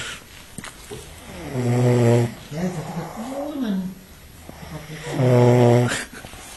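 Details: Loud, deep, vibrating snores on breathing in, with a groaning breath between them, from a man who passed out drunk at a party in Mexico.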